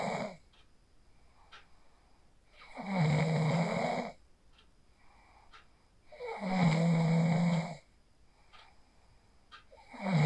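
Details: Adult snoring during sleep after practicing the 4-7-8 breathing technique, recorded on a phone; loud, regular, rumbling snores on each breath, roughly every three and a half seconds, with quiet pauses between.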